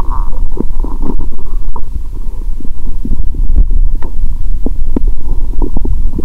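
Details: Stomach heard through a stethoscope after 15+ hours fasting, while eating Mentos and drinking cola: loud, steady gurgling and fizzing abdominal sounds with frequent bubbly pops; bowel sounds.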